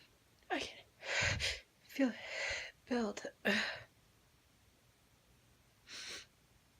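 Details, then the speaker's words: Sneezes in a woman after sniffing chhinkni snuff for a tickly, burning nose: a run of about four sharp sneezes with quick gasping intakes, then a breathy exhale, in a quiet room. "Can feel it burning, tickly. I can feel it building. Oh, what a tease."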